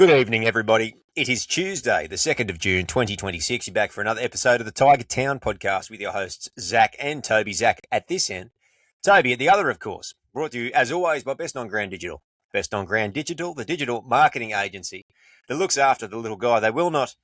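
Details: Adult male speaker; normal voice.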